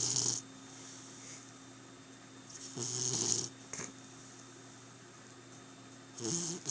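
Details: Rhythmic snoring from a sleeping pet, heard every night: noisy breath bursts about every three seconds (roughly 20 a minute) over a quiet room hum.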